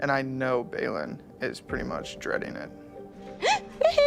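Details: Adult man speaking; ordinary speech.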